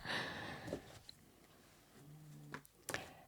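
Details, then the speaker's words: A female pet cat snoring loudly in the background: soft breathy airflow with a brief low buzzing tone and short snorting puffs. "So, the cat's snoring in the background, so that's what that noise is, just to make you make you aware."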